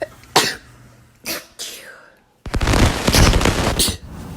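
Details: Sneeze compilation: several sharp, explosive sneezes, then a longer harsh noisy burst, brief voices afterward saying bless you. Repeated sneezes.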